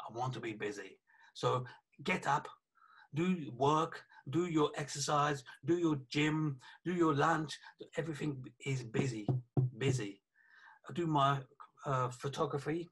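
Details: 48-year-old man with aphasia after a stroke about three years earlier (January 2017) that also affected his right side; aphasia.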